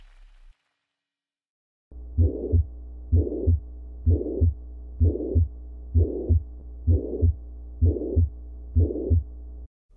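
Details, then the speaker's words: Real heart sounds, regular rate near 64/min: harsh pansystolic murmur filling systole and radiating to the axilla, mitral regurgitation. "Mona re na le pansystolic murmur e leng radiates ho axilla. Ye ke go boela morago ga mitral."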